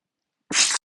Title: Loud and strong sneezes